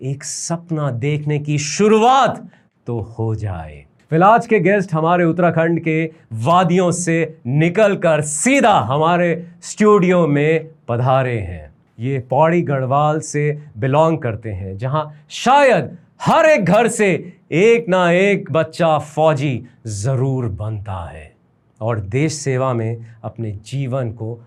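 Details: Adult male host; plain speech.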